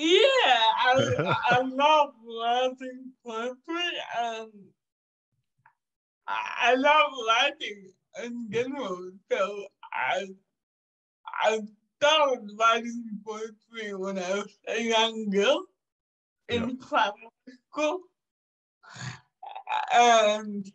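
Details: 27-year-old woman with cerebral palsy caused by severe neonatal jaundice; not expected to ever walk or talk; she says it makes her sometimes speak and move differently; dysarthria (cerebral palsy).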